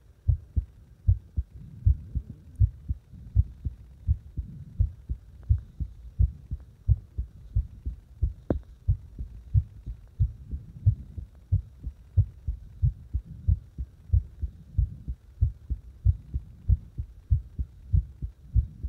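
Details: Heartbeat deliberately made to speed up and slow down: regular low thumping at about 90 beats a minute, rate rising and falling over the recording.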